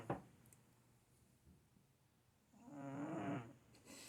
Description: 4 minutes of my cat snoring. Skip around for different tunes.